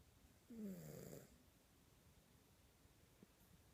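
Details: A sleeping cat gives a single short, rough snorting inhalation, then quiet breathing; a brief snore.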